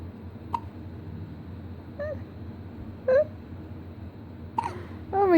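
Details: One-week-old newborn girl with her first hiccups: four brief, sharp hiccup sounds a second or so apart over steady room hum, ending in a soft whimper.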